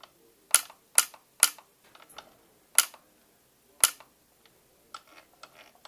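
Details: YAG laser vitreolysis of a bothersome, classic-appearing eye floater in a female patient looking far left then straight ahead; sharp, isolated clicking snaps at irregular intervals as the laser fires.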